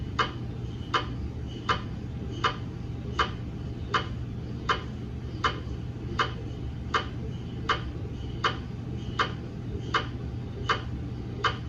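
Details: Routine GE MRI daily quality-assurance (DQA) scan of a 150 mm head TLT phantom in a head coil, no patient: regular sharp knocking pulses, about 80 a minute, over a steady low hum, MRI scanner gradient noise.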